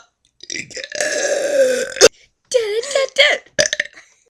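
A long, drawn-out belch followed by several shorter burps, loud and in a quiet room.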